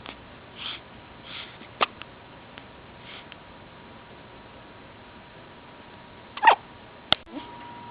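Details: A few faint, sharp, brief catching sounds over quiet room noise: a girl's hiccups.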